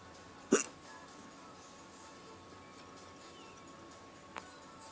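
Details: One sharp, abrupt hiccup, then a fainter second one about four seconds later, recorded in a stopped car over steady road and car noise; hiccups.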